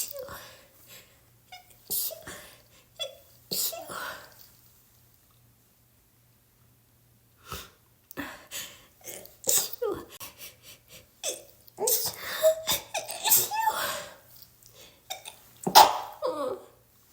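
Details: Several sharp sneezes with quick inhaled build-ups and pauses between them, in someone who thought they were getting over a cold but can't go two minutes without sneezing; repeated sneezing.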